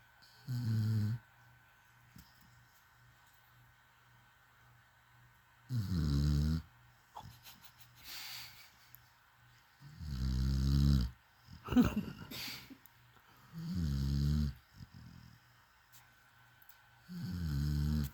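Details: Snoring: low rumbling snores about every five seconds, roughly 12 a minute, with a steady hum behind them.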